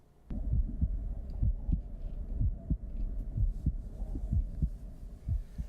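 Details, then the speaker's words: Normal healthy heart sounds: regular low thumping heartbeats at about 60 per minute, played as the healthy heart rhythm to contrast with a left ventricular assist device (LVAD). "we all know what a healthy heart is supposed to sound like and that's this"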